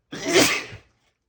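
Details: Person reading a book aloud: a single loud, forceful sneeze that fades quickly into silence; sneeze.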